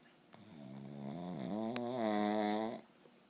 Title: Dog snoring